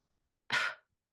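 A single short, quiet, breathy burst with little force or low rumble: a weak, ineffective cough after cervical spinal cord injury.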